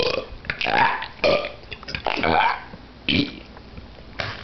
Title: I've fallen and I can't burp up!